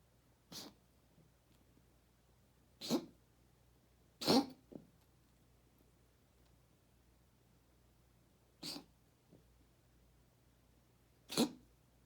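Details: A cat makes five short, sharp snorting bursts over twelve seconds, reverse sneezing episodes recorded for the vet to see.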